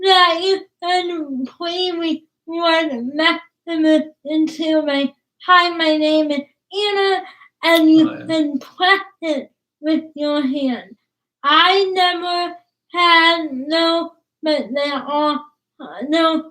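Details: Woman about to turn 20 with cerebral palsy, speech difficult to understand, father notes trouble with plosive sounds such as p and b; dysarthria (cerebral palsy).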